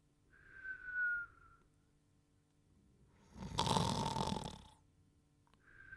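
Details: Dogtanian's whistling snore: a long, noisy snoring breath alternating with a thin, high whistle on the other breath phase.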